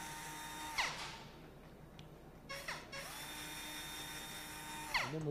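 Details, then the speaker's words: Short bursts of a high, whirring surgical power drill placing pins into a cutting guide on a dry-bones femur/tibia model during a simulated total knee replacement demonstration, Wright Medical Evolution Knee; quiet room noise between bursts. "So as we'll put little drill pins into this guide,"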